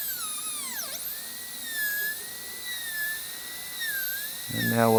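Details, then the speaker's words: High-speed dental drill cutting the distal axial wall at the gingival third during an all-ceramic crown prep (rounded shoulder) on tooth #9; a high-pitched whine dips and wavers under load, then a voice. "i'm working on that gingival third right now i'm gonna go ahead and break on through with this uh distal axial wall just to get that depth right"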